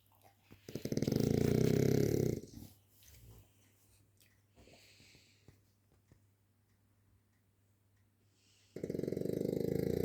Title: snoring frenchbull dog Montie loves his sleep